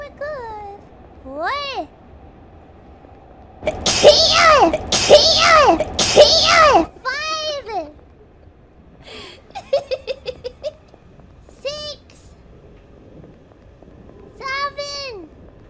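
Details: A VTuber character sneezing on a train: three loud explosive sneezes in quick succession, a triple sneeze, with high, squeaky vocal sounds before and after.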